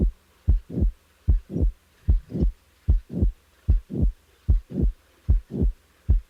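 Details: Mitral valve prolapse patient: regular heartbeat near 75 a minute with a short whooshing late systolic murmur in each systole, and the mid-systolic click removed; teaching example.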